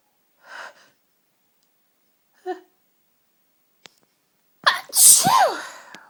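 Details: Strong, tickly sneezes from a cold, all in one fit: a run of sharp sneezes with gasping in-breaths, the last one loud and forceful; repeated sneezing in a single fit.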